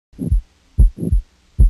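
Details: Late systolic murmur at a heart rate of about 75 a minute, arising late in systole and running into the second heart sound.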